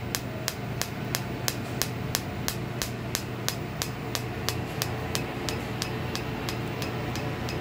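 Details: Holmium laser lithotripsy on a hard dummy stone, with the fiber held slightly away to avoid damage: steady sharp clicks about once a second over a background hum.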